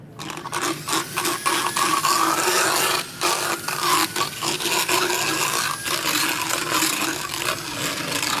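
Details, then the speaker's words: Harsh, continuous grinding and rasping with brief pauses as a power float files a roughly 10–12-year-old horse's teeth. The mouth is held open in a speculum while the ramp at the back of the mouth is relieved, with rests to ease TMJ strain. "So with me having opened his mouth a little bit wider to work in the back of his mouth, I need to make sure once I do relieve this ramp in the back to let him close his mouth up a little bit, give him a break, and then go back in and work on the next areas."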